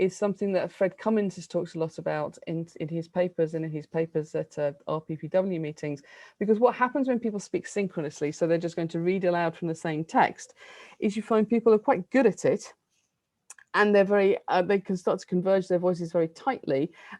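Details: Adult woman lecturing; normal fluent speech.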